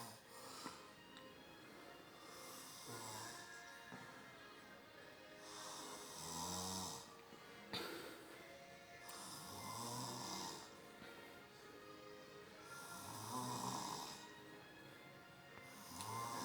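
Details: Stepfather asleep in front of the TV: loud, rhythmic snoring about 17 breaths a minute, a rattling inward snore with a hissing outward breath, music in the background.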